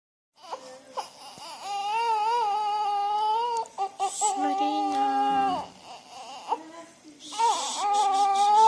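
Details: Bursts of high, wavering crying with brief gasps and fussing between them from a baby girl only a few hours old, also yawning, in a quiet room; newborn cry.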